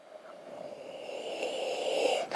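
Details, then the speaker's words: Sleeping pug makes one drawn-out, rough, snorting breath that grows louder: snoring. "it's my pug down there below the camera is my friend gee he sometimes snores he always snores there dope if you can hear that I can hear it anyway"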